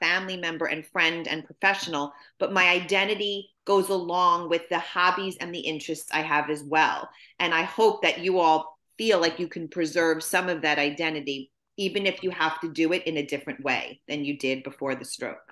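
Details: Adult woman; typical speech.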